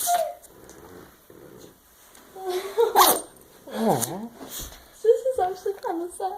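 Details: Sharp, explosive nasal bursts from a small Yorkshire terrier, a few sneezes in quick succession, mixed with snuffles and squeaky breaths; sneezing.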